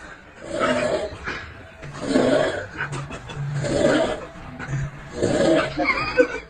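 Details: Rhythmic rasping sleep breaths, about four cycles in six seconds, with a rough fluttering quality: snoring.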